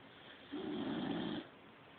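One soft, rough, low-pitched snoring breath lasting about a second over steady room hiss.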